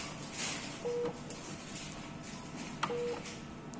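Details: Two short electronic beeps from an anesthesia machine control panel during checkout as settings are entered, with pediatric mode and a 1-year patient age selected; faint room noise; normal device feedback tones.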